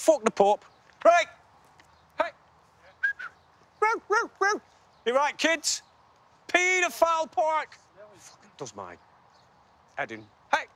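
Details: Adult man with Tourette syndrome since childhood, almost no ability to suppress tics; involuntary obscene or offensive vocal tics interrupt speech; Tourette syndrome vocal tics (coprolalia).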